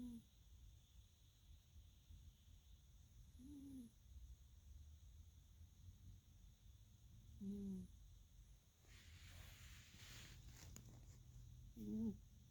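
Soft, squeaky whistling breaths recur every few seconds, a light snore from a sleeping cat, with faint background noise.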